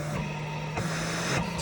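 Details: Comfort Cough Plus mechanical insufflator-exsufflator demonstrated with a pressure relief (PEEP) valve and mouthpiece for intrapulmonary percussion: steady motor hum shifting in pitch and strength as pressure phases change.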